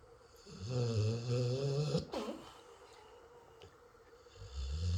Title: Yeti snoring Sun City